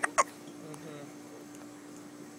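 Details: Two brief, abrupt hiccups close together while sitting on a back porch, then quiet over a steady background hum; hiccups.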